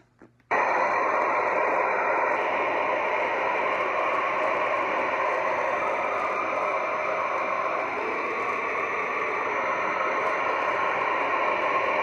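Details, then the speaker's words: Steady, loud hiss of a VibraLung acoustic airway clearance device in its random white noise setting, meant to open and relax the lungs: acoustic airway clearance device, white noise mode. "you're supposed to use the random noise aka white noise setting and that is supposed to ease the ease the long wall kind of open you up relax"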